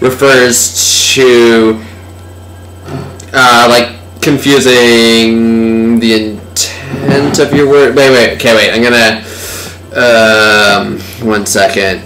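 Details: Slurred speech (dysarthria) in a man from alcohol (beer) intoxication, real rather than acted, with signs of cerebellar ataxia.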